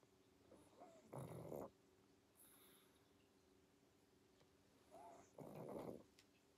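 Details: Pug asleep, snoring and snorting: two loud, rattling snores on breathing in, with soft whistly snorts between them.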